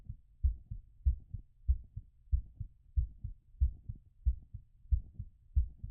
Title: Post exercise recovery auscultation